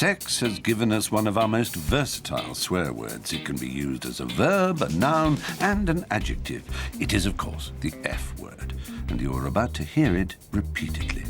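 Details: Adult male narrator; ordinary speech.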